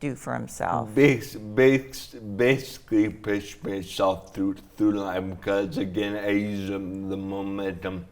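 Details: Man with dysarthria (slurred speech) after a traumatic brain injury from a snowboarding crash into a tree; damage around the brainstem and cerebellum; 1.5-month coma, then therapy to relearn talking, walking and swallowing; walks with a walker.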